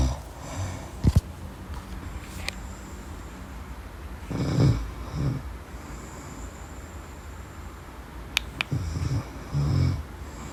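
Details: Deep-sleep snoring with irregular rough snorts, rattly breaths and crackling noises over steady room hum.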